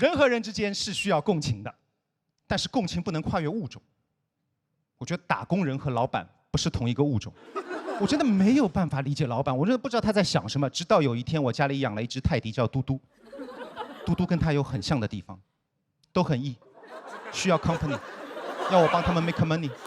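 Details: Adult male stand-up comedian; no speech disorder.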